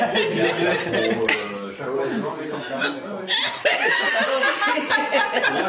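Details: An adult's sudden, sharp voiced catches at irregular intervals, mixed with laughter and vocal sounds over a noisy background; hiccups.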